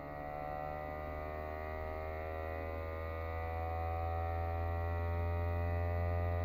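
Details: Adult testing a fully automatic upper-arm blood pressure monitor that measures on inflation, while standing: steady pump hum slowly rising in loudness as the cuff inflates; reading 144/96, heart rate 96.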